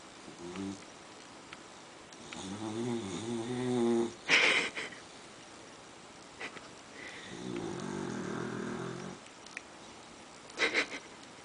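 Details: Very loud snoring likened to a truck outside: loud, buzzing snores on each in-breath with snorty, sniffing sounds on each out-breath.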